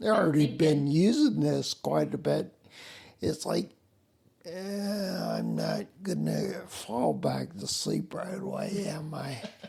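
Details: Adult man with spinocerebellar ataxia, a rare neuromuscular disease with mobility challenges and noise-induced anxiety; slurred words that sound drunk, unclear on the phone; ataxic dysarthria.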